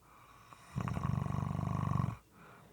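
A single rough, fluttering snore lasting over a second on a breath in, with a moist, gurgling quality.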